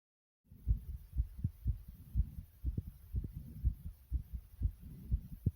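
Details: Own heartbeat with heavy breathing: fast, regular low thumps at about 120 beats a minute; rapid heartbeat.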